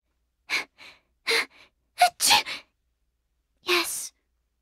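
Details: Acted sneezes by voice actors for Genshin Impact character Sucrose in Chinese, English, Japanese and Korean versions: short gasping in-breaths then an "ah-choo" burst, repeated.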